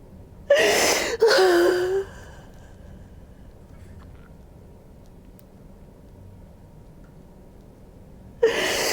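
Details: During a fascia healing session, a woman lying on her side after a chiropractic adjustment gives two sharp, loud voiced gasps in quick succession, a pause, then a third: sudden startled inhalations.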